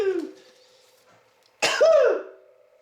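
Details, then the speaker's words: A single harsh, voiced hacking cough echoing in a small room, with the tail of another cough at the start. "That's my hacking cough going up my chimney there."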